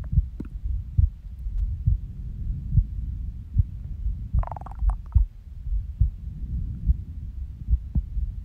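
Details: Soft low thumps about 70 a minute with uneven spacing and a brief stomach gurgle, recorded at rest after waking from a nap; irregular heartbeat with skipped beats.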